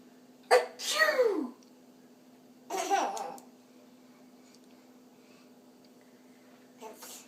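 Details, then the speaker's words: Deliberately imitated (fake) sneezes: gasping "Huh? Huh?" lead-ins, then forceful "Achoo!" releases, repeated as an adult coaxes "Give me a good one." "Huh? Huh? Achoo! Achoo! Huh? Huh? Achoo! Give me a good one."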